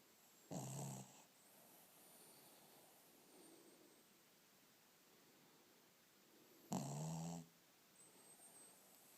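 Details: Sleeping dog snoring: two low, rattling snores about six seconds apart over quiet room noise; slow, regular snoring.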